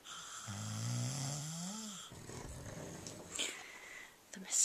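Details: Grandmother and grandfather snoring in unison: a drawn-out, rising, tonal snore on breathing in, then quieter noisy breathing: snoring.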